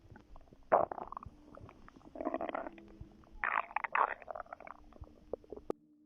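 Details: Bowel sounds from a relaxing pregnant woman, recorded before her contractions began: irregular gurgling and rumbling bursts with brief squeaky clicks over a quiet background, ordinary stomach growling.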